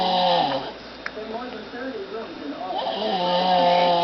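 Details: Loud, rasping snores from a little girl with a buzzing, whistle-like tone, one on each breath in and out; snoring in a child.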